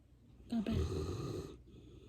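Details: Sleeping English Mastiff dog: one loud low rumbling snore lasting about a second; snoring.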